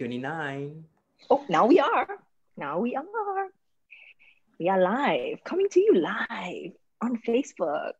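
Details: Adult woman speaking; normal speech.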